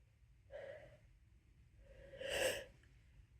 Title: counting how many times I sneeze in 1 minute